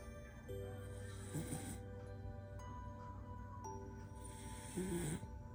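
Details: Border collie dog snoring: two low, rattly snores several seconds apart, partly covered by background music.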